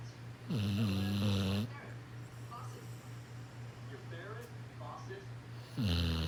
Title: Hilarious snoring dog!!#dog #shorts#sleeping#funny